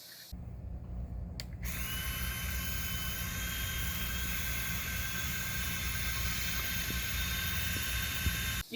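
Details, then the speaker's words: A click, then a steady loud hiss with low hum and faint rising whine: suction machine switched on, set to continuous, for tracheostomy suctioning on a manikin in a nursing skills demonstration. "listen when i change when i tap on this valve that's when it suctions so you have to close it for it to suck through the tip here"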